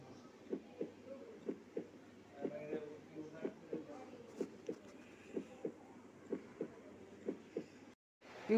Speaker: Heart contracts and relaxes with a definite rhythm. This is called heart beating.